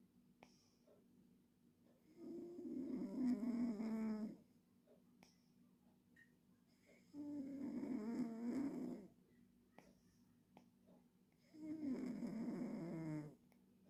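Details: Cat gently snoring while asleep in a quiet room: three soft, fluttering snores about five seconds apart, roughly twelve breaths a minute.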